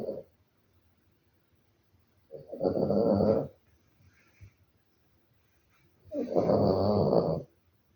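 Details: A sleeping Maltese dog snoring: two long, rough, rattling snores a few seconds apart with quiet pauses between.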